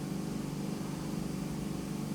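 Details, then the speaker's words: Continuous low, rumbling drone of an ear microsuction machine removing jet-black, sticky impacted earwax, using the suction tube as a curette to drag the wax down; the patient likely could hear little through it. "I'm kind of using the suction tube as a curette as you can see what I'm doing there I'm trying to reattaching at the top and trying to like drag it down"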